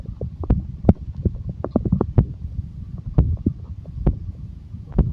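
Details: Stomach growling (borborygmi): continuous low gurgling and rumbling with quick bubbling pops from gas and fluid moving through the gut.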